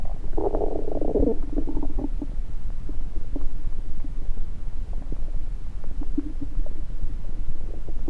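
Gurgling bowel sounds through a stethoscope: a short rumble, then scattered soft clicks and bubbles over rustling noise.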